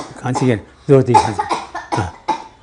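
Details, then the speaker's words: Several short, forceful coughs with throat clearing as a patient tries to bring up sputum liquefied by hot water and hydration, demonstrated for general practitioners. "Here is a patient who is trying to cough and remove the sputum."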